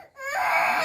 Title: Why this baby is crying so much...🥺 #cutebaby #funny #video